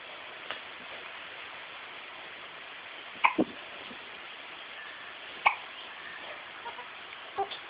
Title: Hiccups Pt 2